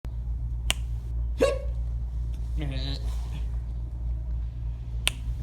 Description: The poor dude was hyper and he started having hiccups lol